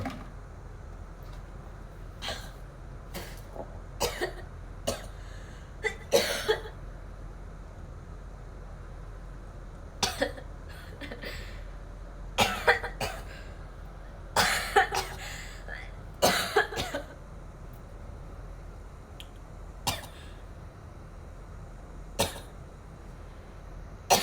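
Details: Korean girl coughing: repeated short, sharp coughs, some in pairs or brief runs, over a steady low background hum.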